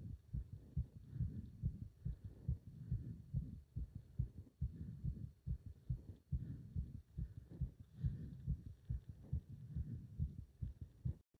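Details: Pounding, fast, strong, regular heartbeat at about 140 per minute, felt up to the subclavian artery, during leg wrench exercise; a rapid, forceful heartbeat during exertion.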